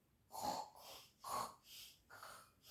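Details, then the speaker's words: Simulated snoring performed by a reader acting out a children's farm story: three imitated snoring breaths with a rough, snorting rattle, not a real sleeper. "Miau, miau, miau, miau, miau. Tal vez así deja de roncar y nosotros podremos dormir otra vez."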